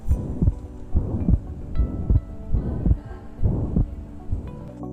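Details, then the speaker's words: Simulated pansystolic murmur on a skills-lab manikin, auscultated at the mitral area: heart sounds about 70 per minute, holosystolic murmur starting with S1 and merging into S2 so they cannot be separated. "Here the murmur starts with the first heart sound, merges with the second heart sound. We cannot differentiate between S1 and S2. It's a holosystolic quality."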